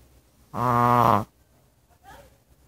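A single drawn-out, buzzing, tonal breath of under a second, then quiet: a sleeping dog's snore.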